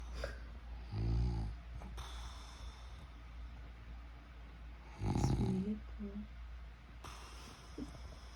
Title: Snoring 😴